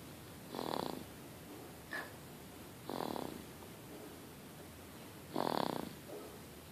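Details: Baby boy snoring: soft, rattly snoring breaths about every two and a half seconds with steady background hiss.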